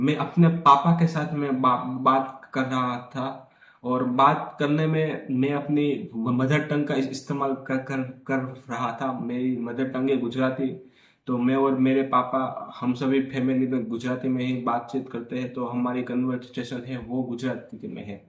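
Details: Man who stammers and does daily fluency practice, speaking Hindi, with a long run of repeated syllables; stuttering.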